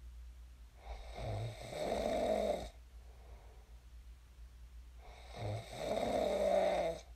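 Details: Real recording of a person snoring in their sleep, shared as snoring ASMR: two long, rough, rattling snoring breaths a few seconds apart with a quiet gap between.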